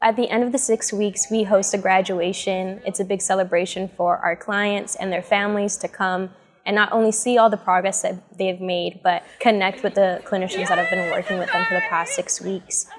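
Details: Adult woman; Normal fluent speech.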